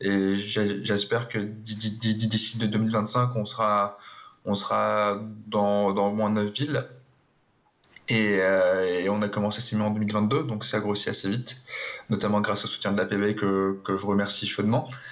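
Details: Stuttering in an adult who stutters, speaking French in a TV interview.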